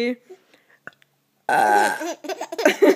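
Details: Baby burping: a loud, drawn-out voiced belch, followed by laughter.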